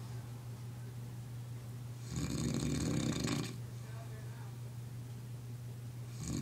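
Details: A loud, rough, fluttering snore on one breath over a steady low hum; snoring.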